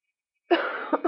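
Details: Person who says they are very sick gives one abrupt, harsh cough followed by a short trailing catch of breath.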